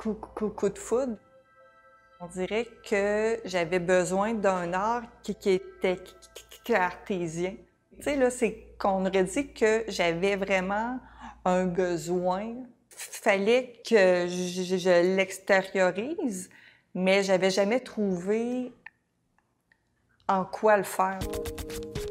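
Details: Adult woman who stutters, a mother of two adolescents; stuttering.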